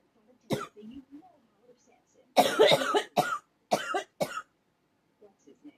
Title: ugh cough cough cough